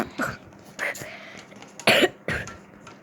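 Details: Several short, loose coughs from a sick child while making pancakes in a kitchen, with faint talk in the background; child mentions tummy hurting.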